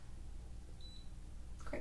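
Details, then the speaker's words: Simulated ASMR full-body exam of an adult woman: a brief, high electronic beep over low room hum as a forehead thermometer finishes its reading of 96.1°F. "let's go ahead and take your temperature any flu like symptoms in the last two weeks no great okay it's going to go on your forehead"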